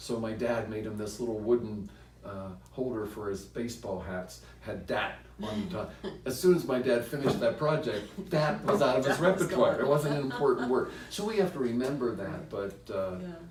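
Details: Adult man speaking; Ordinary adult speech.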